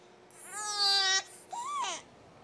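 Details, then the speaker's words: Newborn boy fussing because he is no longer being held; he settled after breastfeeding: two short, high-pitched cries, a steady wail then a rising-falling whimper. "Someone over here, though, is kind of cranky that he's not being snuggled anymore."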